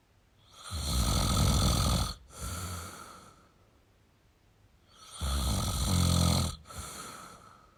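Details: Male snoring: loud, rumbling snores roughly every five seconds, each breaking briefly into a softer second part.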